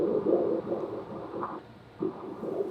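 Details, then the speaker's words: A rapid, rhythmic whooshing fetal heartbeat picked up during an ultrasound exam at a pregnancy center. The fetus is described as active. "Oh, there's the heartbeat."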